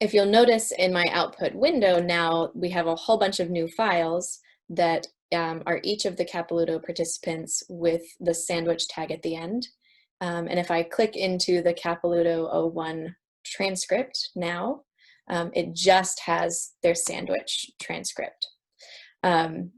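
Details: Adult woman; normal speech.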